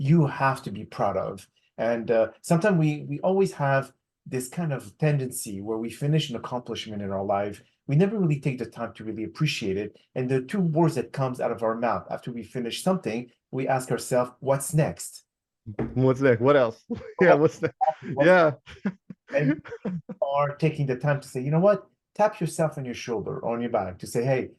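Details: Adult male speaker; normal speech.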